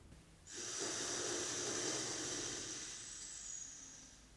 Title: Handihaler Ингаляция с помощью ингалятора «HandiHaler